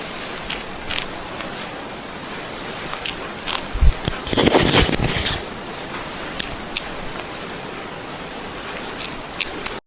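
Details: Popping sound from a moving knee joint: scattered small clicks and a brief grinding crackle, knee crepitus.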